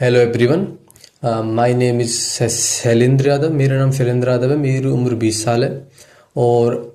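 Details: 20-year-old man with stammering he says is genetic, inherited from his father, and worsened after a head injury; reports more difficulty speaking Hindi than English; stuttering.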